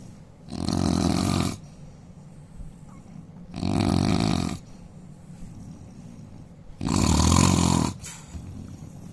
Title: Indian man snoring loudly